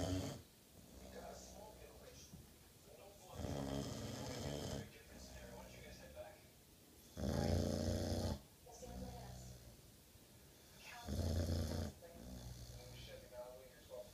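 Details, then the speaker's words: Boxer mix dog asleep: loud, rough snoring with rattling sounds on the breaths at about 17 per minute, interrupted by a brief spoken call: snoring. "penny wake up baby stop all that snoring crazy dog"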